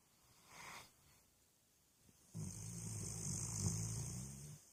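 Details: Puppy snoring loudly: a soft breath sound, then a loud, rough, rumbling snore on the in-breath.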